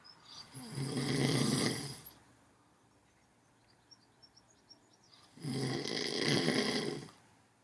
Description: Man asleep and snoring loudly, with the best, most animated snore, right at the end of the film.